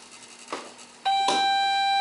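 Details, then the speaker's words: Ohmeda/Datex Modulus II Plus anesthesia machine checkout: after the oxygen cylinder is closed and the pressure needle falls, a couple of clicks, then a sustained steady electronic oxygen supply failure alarm. "we'll go back and look at the gauge and you should see that needle fall and then when it when the alarm goes on"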